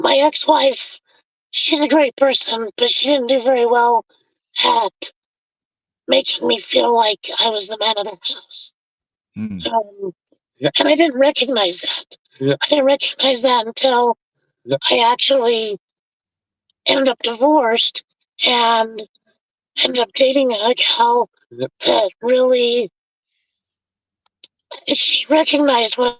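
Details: Adult man with vocal cord paralysis from a severe injury (lungs three-quarters full of blood); told he would never talk again; tracheostomy removed after 2 months; scope still shows paralyzed cords; over 25 years since onset.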